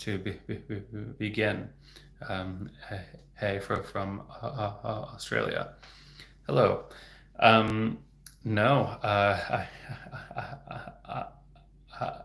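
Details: Real developmental stuttering in an adult male speech-language pathologist who has stuttered since age 8, heard stuttering openly with word repetitions.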